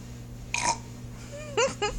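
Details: Person burping on request, asked to repeat, do loud, quiet, and two-in-a-row burps: two or three short, throaty voiced belches over low room hum.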